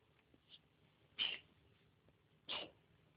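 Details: Cough.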